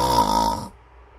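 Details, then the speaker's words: Simulated mouth snoring, done while awake, said to be three to five times louder than nose snoring and to vibrate the throat: a single loud, rough, buzzing snore lasting under a second. "nếu mà nháy vào miệng nó sẽ lớn hơn gấp khoảng từ 3 cho đến năm lần nó sẽ như thế này"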